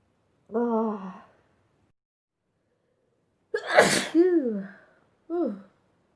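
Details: Sneezing compilation clip: a voiced intake, then a sharp explosive sneeze with a falling vocal tail and a short voiced sound after; ordinary sneeze.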